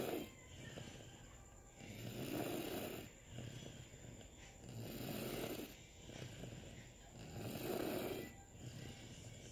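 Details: Soft, rhythmic rasping snores with each breath, about 22 breaths a minute, over a steady background hum, recorded during sleep in 2019; snoring.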